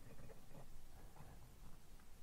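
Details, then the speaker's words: Adult's stomach just after eating: quiet, low, irregular gurgling and rumbling, likened to a sink or drain emptying; bowel sounds. "you hear that it's my stomach I've just eaten so my stomach shouldn't really be making those noises but it is it's like a drain empty in or uh a sink empty in you know like that"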